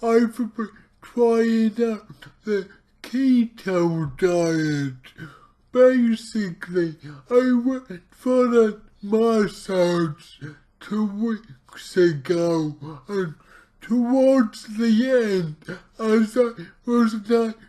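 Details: Dysarthric speech from his own cerebral palsy, in a speaker trying a keto diet; heavily distorted speech.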